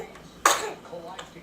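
A single short, sharp cough from a baby, with faint room noise around it.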